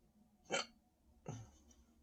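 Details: Person standing and drinking more Sprite, stomach feeling very full and tight: two abrupt, sharp hiccups about three-quarters of a second apart, each a short gulping catch of breath.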